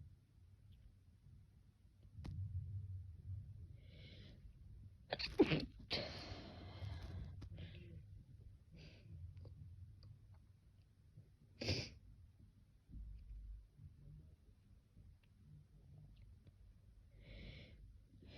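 A sharp sneeze burst with a quick intake beforehand, then a second brief sneeze later, over quiet breathing and room noise.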